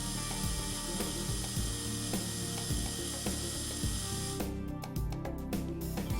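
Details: Steady mechanical ratcheting and gear whir as the motor retracts the plunger of a Calamus Flow handpiece (warm vertical obturation unit) after pressing the return button during cartridge loading; delivery device motor.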